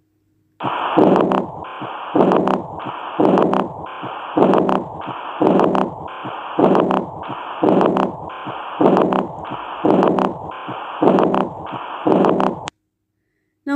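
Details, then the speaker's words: Aortic regurgitation (aortic incompetence) murmur: regular heart sounds about 54 a minute with a soft, blowing, decrescendo diastolic murmur after the second sound. It is best heard at the left third intercostal space with the patient leaning forward. "this is the murmur of aotic regurgitation which is also known as aotic incompetence. Here blood flows back from aorta into the ventricle during desty."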